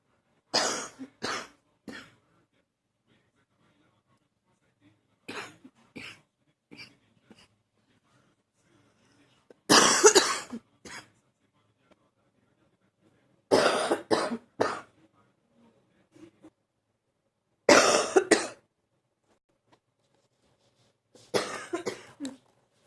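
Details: Repeated bouts of short, sharp adult coughs, several per bout with quiet pauses, during an allergy flare-up.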